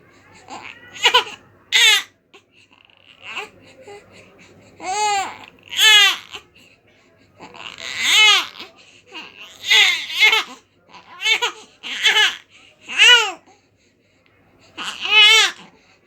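A newborn cries in short, high-pitched wails with brief gasping pauses between them.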